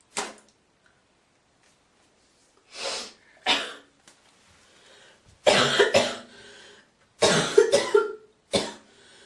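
Several harsh coughs and throat-clearing hawks separated by pauses, with a spitting sound; a productive-sounding cough.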